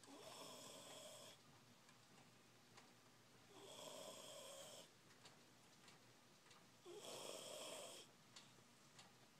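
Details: Sleeping child snoring heavily, sounding like a grown man: three loud rasping inspiratory snores about every three and a half seconds, with quiet breathing between.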